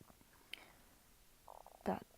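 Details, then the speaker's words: An adult talking in a quiet room: short bubbling gurgles end in a louder, low rolling rumble from the stomach, ordinary bowel sounds (borborygmi). "I believe that my stomach is noisy can you hear that"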